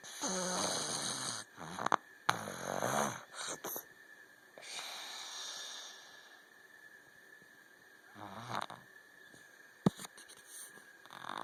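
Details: Loud, rough, rattling breathing in uneven bursts with some sharp clicks: a person snoring.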